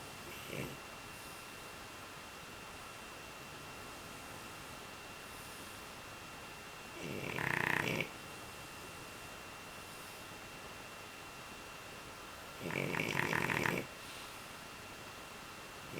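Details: Asleep after playing outside for 2.5 hours: two long, harsh, rattling snores about six seconds apart over a steady background hum: loud snoring.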